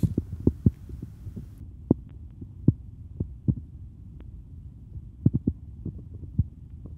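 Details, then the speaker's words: Korotkoff sounds heard through a Littmann Cardiology IV stethoscope during a manual auscultated blood pressure: soft regular thumps under a low hum as the cuff deflates. Onset marks systolic, disappearance marks diastolic. "heartbeat, like beat, beat, beat, beat. And it's going to eventually disappear because that turbulent blood flow is no longer turbulent. It becomes laminar blood flow."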